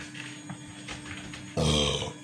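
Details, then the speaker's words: Deliberate belch during a Pepsi drinking challenge: after a quiet stretch, one loud, low, rough voiced burst of about half a second. "let people see me how i belched and think about it later sometimes i hear these bilging sounds is real the bilge is a burp"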